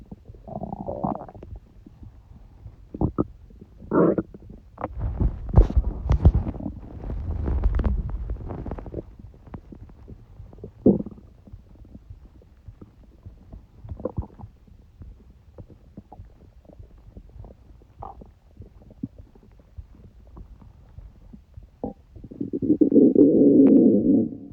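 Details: Stomach noises (borborygmi) in a person with a cold: irregular gurgles, squelches and low rumbles, ending in a long loud gurgling rumble.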